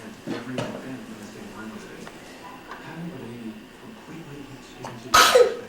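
Quiet room talk, then one loud, sudden sneeze near the end.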